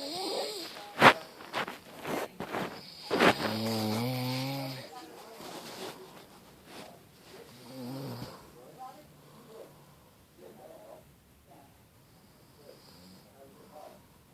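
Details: Elderly woman (grandmother) snoring in sleep: a few loud, rough, snorting snores at the start, then quieter irregular breathing noises.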